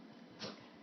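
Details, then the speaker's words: Dog sneezing on command: a single short, sharp nasal burst over quiet room noise; owner jokes he's got a cold; sneeze. "big sneeze bigger he's got cold there you go okay you ready one more"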